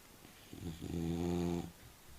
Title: Millie & Oliver_Bulldogs_Millie snoring_March 2012